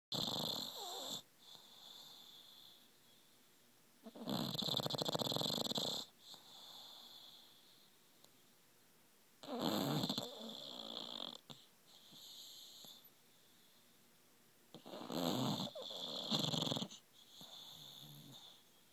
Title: Snoring bulldog